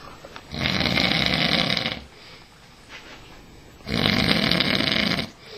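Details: Loud, harsh, rattling snores about three seconds apart with quiet exhalation between, from an adult man (dad) sleeping on a couch; heavy snoring.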